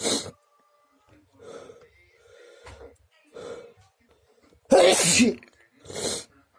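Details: Person whose nose has itched a lot since swimming: loud explosive sneezes, one at the start and a big one with a smaller follow-up near the end, with quiet in-breaths between.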